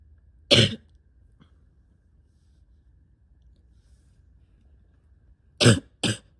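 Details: Adult with asthma, spring allergies and chronic bronchitis, likely sick with a respiratory illness: one cough burst, then two more close together after a quiet gap, full and chesty, a wet chesty cough.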